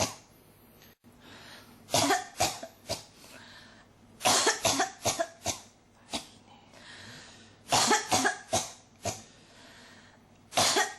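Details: Persistent coughing fit: runs of sharp, dry coughs in quick clusters, about fifteen bursts with short breaths between, repeated and unable to stop.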